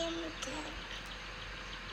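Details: Example of a hoarse voice in a child, sounding rough, raspy or breathy, from a presentation on children's voice disorders. Finding: hoarse voice.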